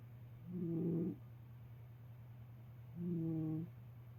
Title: Tikka my cat Snoring - 2021-04-30